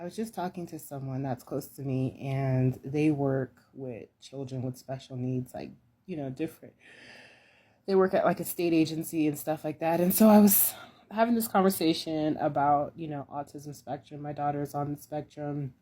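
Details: Mother who has had a laryngectomy (larynx removed), voicing method not stated; alaryngeal speech after laryngectomy.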